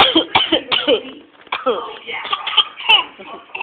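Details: An adult deliberately fakes a string of short, voiced coughs that shade into laughter: an imitated cough.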